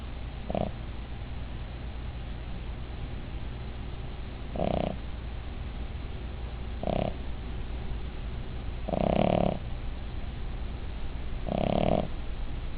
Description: This is Midge my Cavalier King Charles Spaniel. She snores as loud as my husband.